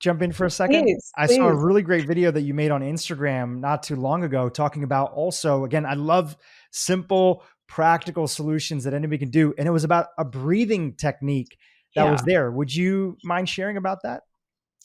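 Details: Adult man speaking; normal voice.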